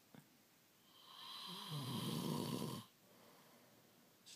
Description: Waking partner up because he was snoring, and what he said in his sleep.